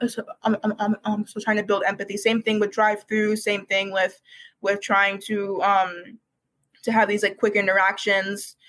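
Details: Real speech from a university student who has stuttered for as long as they can remember, began speech therapy in kindergarten, and calls it one of their hardest challenges until recently: stuttering.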